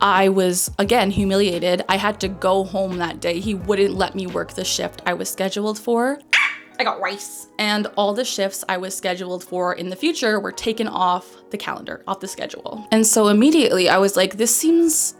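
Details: Complex vocal tic, transcribed as "I got rice", interrupting the speech of a 27-year-old woman with Tourette syndrome diagnosed at age 12.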